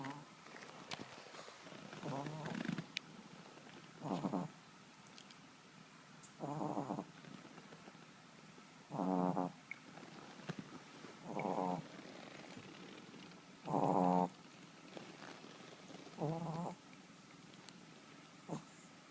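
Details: Yorkie dog snoring while asleep: soft, regular rattling snores, about one every two and a half seconds, over quiet room noise.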